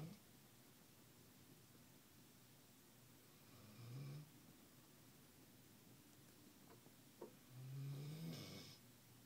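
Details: Snoring in an office: two low, buzzing snores on breaths a few seconds apart over a steady room hum.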